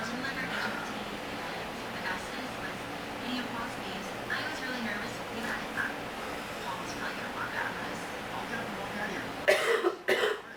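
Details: Acted coughing by a speaker complaining of allergies, sore throat and being sick, wishing for cough medicine; quiet room murmur, then two sharp, harsh coughs near the end; simulated cough.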